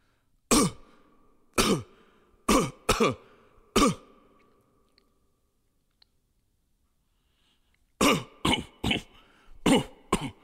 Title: GUY COUGHING SOUND EFFECTS